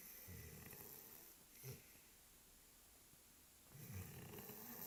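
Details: Sleeping Labrador dog snoring: two low, rumbling snores separated by a quiet pause, with a small snort between them.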